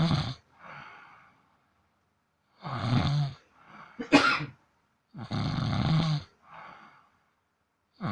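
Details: Sleeping cat snoring in a quiet room: rattling breaths in and softer breaths out.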